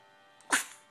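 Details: Dog sneezing: a single sharp, hissing sneeze burst after a quiet start.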